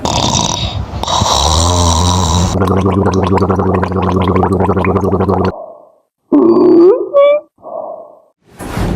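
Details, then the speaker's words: Extra airway sounds demonstrated in a nursing emergency airway-breathing tutorial, during the "listen" step of the assessment: coarse rattling, gurgling and snoring with fluttering, then brief higher squeaks, indicating partial airway obstruction. "Yang kedua adalah listen. Jadi kita mendengarkan suara nafas. Adakah suara nafas? Adakah suara nafas tambahan seperti snoring, gurgling, dan stridor."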